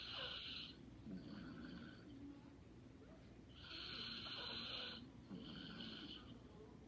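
Soft, hissing, whistly breath sounds alternating with quieter low rattle during sleep; light snoring.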